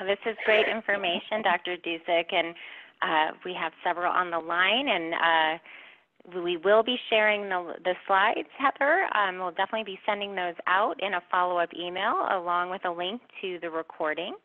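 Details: Adult woman speaking, phone-quality recording; normal voice.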